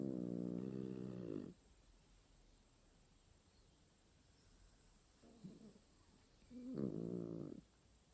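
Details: Two loud, low, rattling snores from a sleeping dog, separated by a long quiet pause and a softer breath; ordinary snoring.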